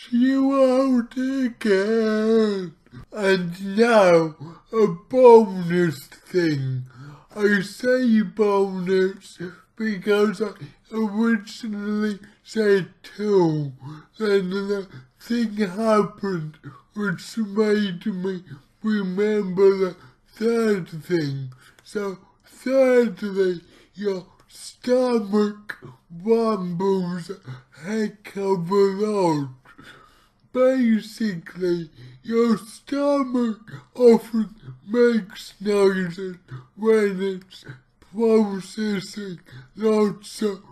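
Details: Male speaker with his own cerebral palsy, real not acted, trying a keto diet; dysarthria (cerebral palsy).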